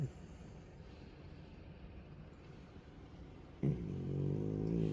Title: Frenchie snores loudly all the time.